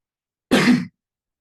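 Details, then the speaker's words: A single short, harsh throat clear under half a second long, in a quiet room, from an adult who says they are a little sick and hoarse while opening an online meeting; throat clearing. "so I'm gonna start. I'm gonna open for. Excuse me, I'm a little sick."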